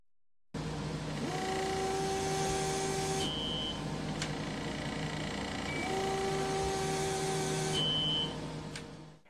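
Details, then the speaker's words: Vacuum-assisted biopsy device during an MRI-guided breast biopsy using computer-aided detection and the grid method: steady machine hum, with tissue acquisition every 4.5 seconds and a beep marking the end of each cutting cycle. "tissue acquisition occurs every 4.5 seconds a beep indicates the end of one cutting cycle"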